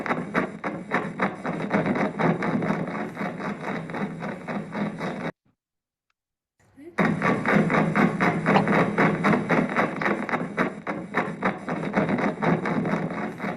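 Rapid, fairly regular crackling bursts of repeated discharges, like soldiers marching, broken by a brief silence; myokymic discharges on EMG.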